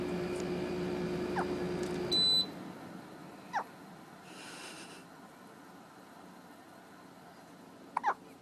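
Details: A child gives several brief, sharp, high catching sounds a few seconds apart, typical of hiccups, while an appliance beeps and a background hum stops partway.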